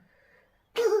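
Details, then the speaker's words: A cat with a recurring cough: near silence, then one abrupt, harsh, slightly tonal expulsive cough that is cut off at the end. "У нас опять кашель, милашка."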